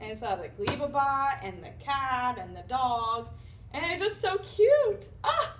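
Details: Acted demonstration of Wernicke's aphasia, a fluent aphasia from damage to Wernicke's area, with significant auditory comprehension deficits; speech is fluent, at normal rate with good articulation, but filled with language errors and nonsense words.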